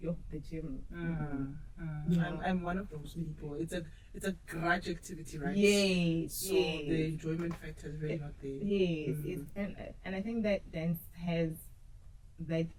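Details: Adult speaker; normal speech.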